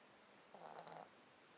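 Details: Close-up mic recording of a cat sleeping in a box, with a 13-year underlying disease causing constant snottiness and sneezing: soft, snuffly nasal breathing with faint wet whistles and rattles. Nasal congestion.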